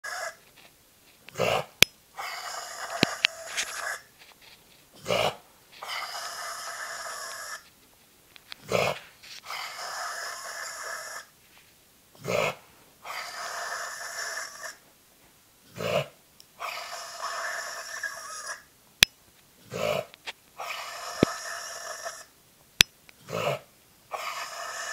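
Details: Loud, harsh, raspy, drawn-out inhalations in a dog during an episode of not inhaling adequately, just before laryngeal paralysis was diagnosed under anesthesia; earlier signs were noisy breathing after exertion. Inspiratory stridor.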